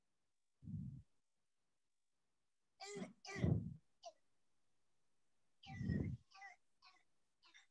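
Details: Several harsh, low, barking cough bursts played in a paediatrics lecture on croup (acute laryngotracheobronchitis); typical croup cough from upper airway narrowing.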